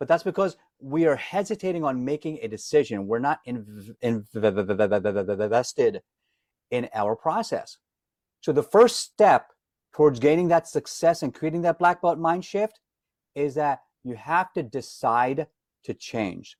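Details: Adult man, self-described stutterer, can hide it when singing as a classically trained opera singer; some repetitions audible; stuttering.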